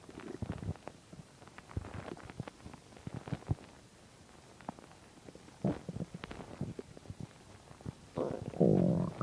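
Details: Irregular gurgles and clicks on an empty stomach build to a longer low rumbling growl near the end: ordinary stomach growling (borborygmi).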